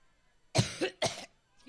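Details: A woman coughing during a campaign speech: two loud, harsh coughs in quick succession, the first with a double push, breaking into quiet surroundings.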